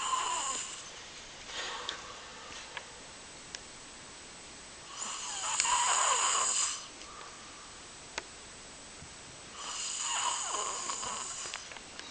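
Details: Loud, rattling snores on each inhalation, three breaths about five seconds apart (roughly 12 a minute), with quiet pauses between; ordinary snoring.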